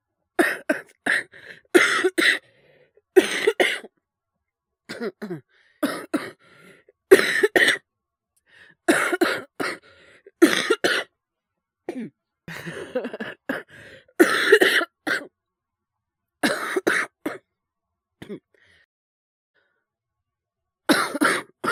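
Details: Japanese boy with influenza, coughing while streaming, gives frequent harsh coughs in short clusters with brief pauses; cough due to influenza.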